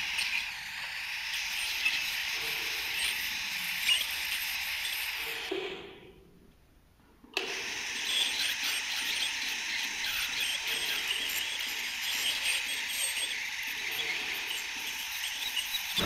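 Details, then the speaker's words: Piezo ultrasonic scaler with water-cooled tip used subgingivally with constant small circular motion during dental scaling on a dog's teeth, mouth held open by a spring-loaded gag; high-pitched hiss and squeal with water spray, stopping and restarting. "if you don't have a p scaler you need to use a manual scaler to go sub jingly you want to use constant motion and the backwards and forwards are small circular movement"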